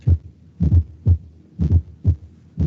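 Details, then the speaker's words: Low-frequency fourth heart sound (S4) heard at the end of diastole, just before S1, with dull beats near 60 a minute, reflecting filling of a ventricle with impaired contraction; presented in an unstable angina context, not specific to ischemia. "no podemos ver que antes del primer río escuchar el punto y eso fue el cuarto reto porque no ventricular"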